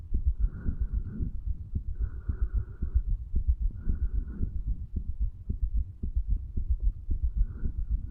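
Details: 35-year-old male's heartbeat recorded by stethoscope over the tricuspid area, placed lower to hear more of the heart muscle, under effects of medical marijuana and nicotine: regular dull low thumps at about 110/min with some rubbing noise.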